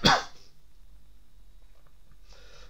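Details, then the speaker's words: Adult with a chronic cough who says it jams up the throat all the time: one sharp, explosive cough burst, then quiet and a soft breathy sound. "right I'll U start with cough cuz um it jams up my throat you see all the time and they have to cough"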